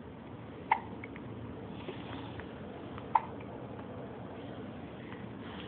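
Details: Two sharp, brief hiccups from a baby girl, about two and a half seconds apart, over faint room noise while her mother talks to her; infant hiccups.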